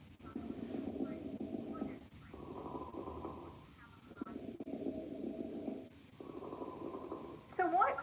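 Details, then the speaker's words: Pleural friction rub, teaching audio: harsh, grating, creaking sound on both inspiration and expiration from inflamed pleural layers rubbing together. "what causes this sound well it occurs whenever those plural layers become inflamed and rub up against each other"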